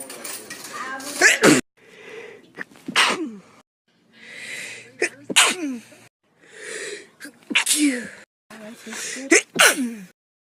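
An adult sneezes five times in a row, each sharp explosive burst preceded by a quick, audible intake of breath; repeated sneezing.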